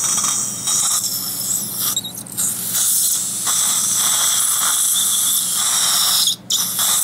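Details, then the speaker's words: Real stent-guided dental implant surgery on the upper jaw under local anaesthesia: high-pitched whirring and hissing of the guide drill with water spray, placed through the surgical guide, with depth markings on the drill, during implant site preparation. "the next drill that's going to go in will be our guide so the guide gets placed in position and we've got markings on our drill so we know how deep to go"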